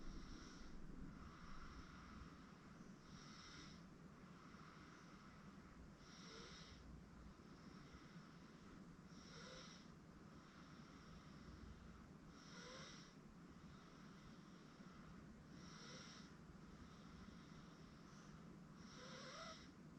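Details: An 8-month-old girl asleep on a futon snores softly and regularly, about 19 breaths a minute, over steady background noise; infant snoring.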